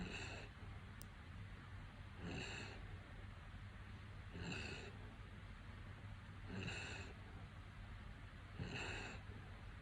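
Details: Regular, slightly wet, gurgling breaths at about 28 a minute over a low steady hum from an actively dying woman who looks calm and relaxed: end-of-life breathing with terminal secretions (death rattle).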